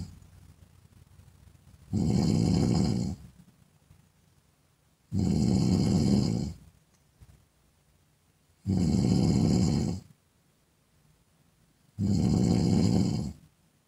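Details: Woman snoring: loud, rough, rattling snores on each breath in, about 19 a minute, steady and regular, with quiet pauses between.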